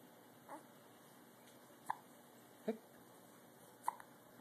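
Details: Infant girl with hiccups, sleepy, mouth open: soft, brief, sharp catches recurring about every second over quiet room hiss; hiccups.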